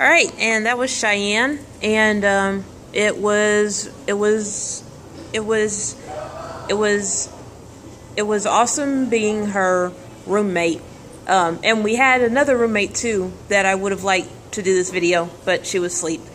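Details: Adult woman who stutters and says she stutters more at home and when excited; audible repetitions; stuttering.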